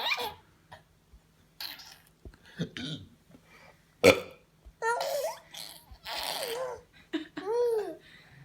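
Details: Adult father's several deep, rumbling burps, each followed by his baby son giggling and laughing; ordinary belching.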